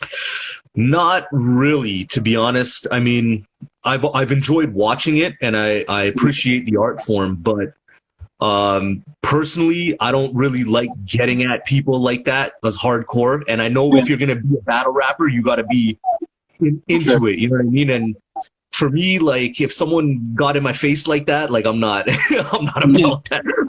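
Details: Adult man speaking; normal speech.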